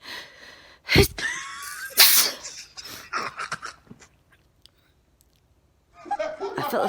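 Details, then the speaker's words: Two sharp, explosive sneezes, each after a quick catch of breath, then sniffling and soft laughter, from an adult who has felt sneezes coming on all day; sneezing. "that sneeze has been going on all day"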